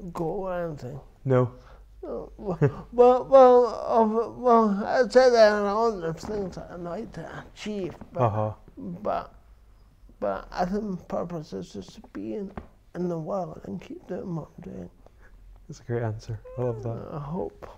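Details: Adult man with dysarthria from cerebral palsy present since birth, which he says affects his verbal communication, balance and coordination; real speech; finding: dysarthria (cerebral palsy).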